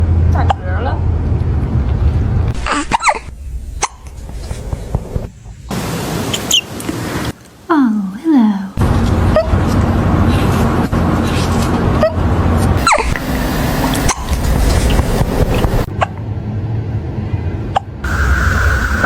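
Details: A kitten with hiccups: short, sharp hiccup sounds repeating irregularly amid music and talk.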